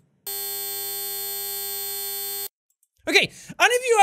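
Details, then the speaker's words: Simulated tinnitus: a steady, buzzy mid-pitched tone for about two seconds, imitating the constant ear ringing of tinnitus. "deal with tinnitus that ringing that you always hear in your ears if you do you'll know this is exactly what tinnitus sounds like"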